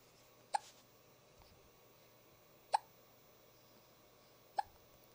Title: 11/10/12 hiccups